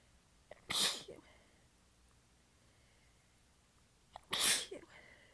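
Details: Two sneezes seconds apart, each a short indrawn breath then a forceful burst. Part of a prolonged sneezing fit; the person is exhausted with sore abs and partly biting the sneezes back. The fit was recorded across clips in changing positions.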